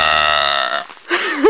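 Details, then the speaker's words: A short, loud, tonal burp under a second, followed by the start of a voice, from a woman outdoors while hiking uphill in a state park; burping. "thought we'd greet you with a nice warm burp yeah we're at wild cat Mountain State Park hiking up this big hill"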